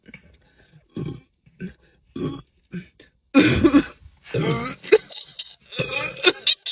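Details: Adult woman burping uncontrollably after drinking Coke in a burp challenge: a run of loud, repeated belches growing longer and more forceful toward the end.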